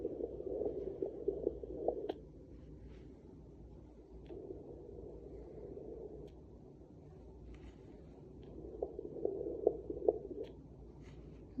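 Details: Home Doppler on a pregnant woman's belly picks up fast whooshing pulses at roughly 140–150 per minute that fade in and out as the signal is lost; fetal heartbeat in the normal range.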